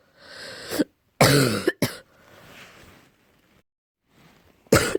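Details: Deep cough, possibly allergy-related: several deep, harsh coughs with noisy breaths drawn in between them.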